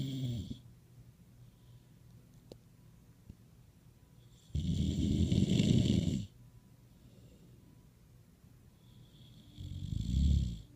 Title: Ruby Sleeping Video Snoring (Voice Over)